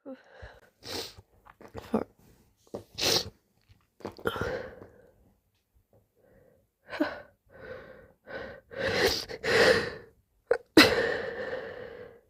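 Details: Repeated sneezing: several loud, wet, slimy sneezes with sharp bursts, separated by sniffs, gasps and soft moaning breaths.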